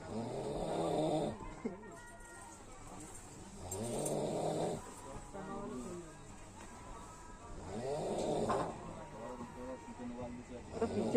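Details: Loud, rough snores about every four seconds from a passenger sleeping at night on an Ahmedabad to Puri train journey, with train and carriage noise behind; heavy snoring.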